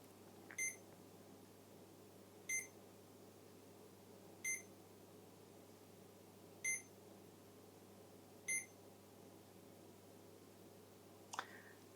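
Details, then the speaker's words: Five short, evenly spaced high beeps about two seconds apart over quiet room hum: a CADD Legacy Plus infusion pump running start-up safety self-tests on power-on, set up for IV epoprostenol (Veletri) in pulmonary hypertension. "It will go through its own safety settings and it will beep a few times to let us know that it's happy for us to use it."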